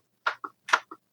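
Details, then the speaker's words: Adult professional wrestler's jaw clicking since being hit hard, recorded on a podcast microphone: two sharp paired clicks, one per jaw opening and closing, typical of a temporomandibular joint click. "That's my jaw clicking. So it's not fake. It's very real."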